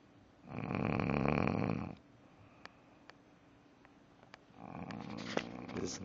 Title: Snoring Snoring Snoring